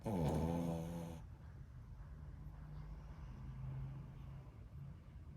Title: He’s Snoring 😆